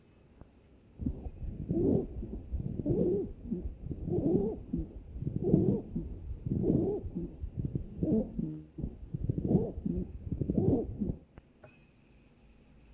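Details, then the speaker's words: Wet crackles (moist rales) heard in the airway, discussed in the context of a foreign body in the respiratory tract. "Entonces vamos a tener algunos eh estertores que van a ser estertores húmedos también"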